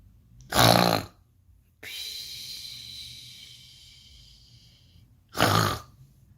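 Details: Baby boy snoring: two loud, rattling snores on the in-breath about five seconds apart, with a softer hissing, whistly breath out between them.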